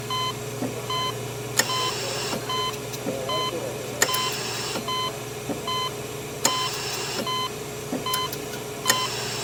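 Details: Sound-effect track of hospital life support ambience: steady high monitor beeps repeating under constant machine hum, with periodic hissing ventilator air bursts.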